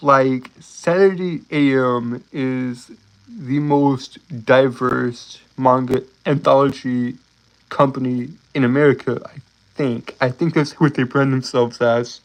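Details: Stuttering in an adult male live-streamer who says he has a speech impediment and stutters a lot.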